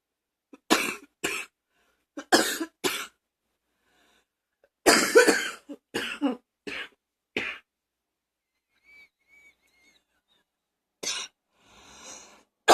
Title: # 64 coughing, allergies, singing lungs